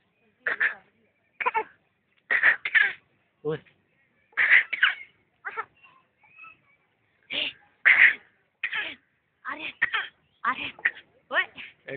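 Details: Adult deliberately forcing an artificial cough: about seventeen short, sharp bursts, some in quick pairs; voluntary cough.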